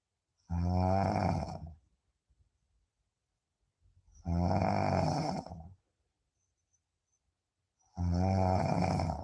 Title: Deep sleep 😴 sound on 😅 snoring 🤣 #deepsleep #snoring #sleeping